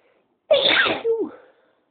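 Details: Single sharp, explosive sneeze: a quick intake followed by a forceful burst of air, in a quiet room.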